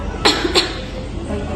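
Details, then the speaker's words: Adult woman patient doing a nurse-guided deep-breathing and effective-cough exercise to collect sputum: two short, forceful voluntary cough bursts after deep breaths. "Baik. Sekali lagi ibu langsung batuk, ya."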